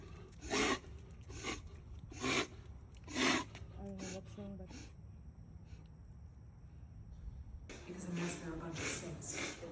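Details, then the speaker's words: An Alaskan Malamute makes repeated harsh snorting inhalations with a brief whine; a vet diagnosed reverse sneezing, nothing to worry about, and also treated a cough issue with antibiotics and cough medicine. "We brought Lily to the vet to see what was wrong. The doctor said she had reverse sneezing and that we had nothing to worry about."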